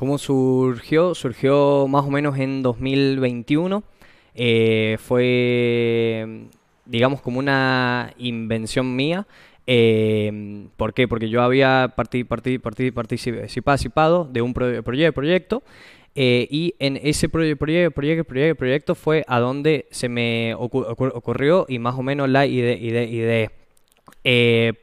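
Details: Young man from San Juan, Argentina, speaking Spanish in a broadcast interview about an app he co-created for people who stutter; stuttering.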